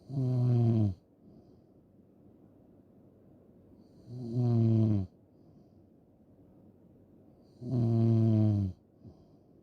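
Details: Loud, low, rattling snores on each in-breath, about 16 a minute, with quiet breathing between them; snoring ASMR recording.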